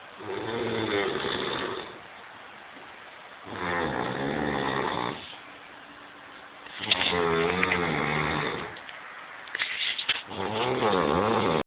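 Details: Snoring from a drunk sleeping man: loud, rough, rumbling snores on each in-breath, about 19 breaths a minute, with quiet pauses between them.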